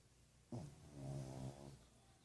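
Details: A pug snoring out loud: a single low, rattling, voiced breath lasting about a second.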